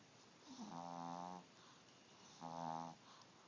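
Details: Overweight Chihuahua snoring: two drawn-out, buzzing, tonal snores on the in-breath against steady hiss; recorded on an Android phone.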